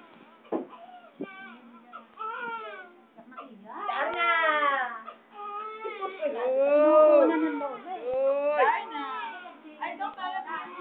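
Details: Baby crying during ear piercing: loud, rising and falling wails in repeated bursts with short breaths between, adults talking softly; infant pain cry.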